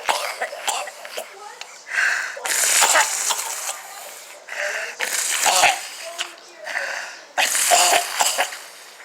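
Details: Female patient, said by her carer not to be well cared for: several harsh, forceful coughing bursts in quick runs, some with a wheezy edge, between short pauses; a persistent cough.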